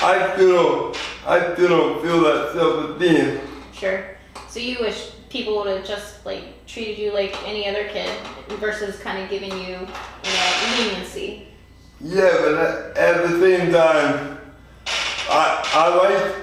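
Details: Adult interviewer; typical speech.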